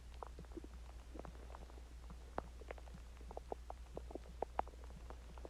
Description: This is my stomach growling after I ate chinese food and I drinked water and I managed to record my stomach longer but I will try doing 1hour of stomach sounds and heartbeat sounds.